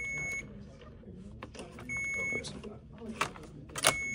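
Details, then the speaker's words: Repeated high beeps from an IV infusion pump over handling noise, during a nursing student's demonstration of a saline primary line with a piggyback medication: occlusion alarm from pressure caused by kinked tubing. "generally because of the fact that these have been kinkedked so because you know they're you know they've been beat up a little bit there's going to be a lot of kinks and that's going to detect pressure."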